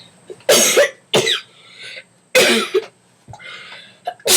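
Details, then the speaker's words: Boy with a bad cold, sneezing repeatedly in a sneezing attack: two loud, explosive bursts, each followed by a shorter tail. "He's been sneezing like there's no tomorrow."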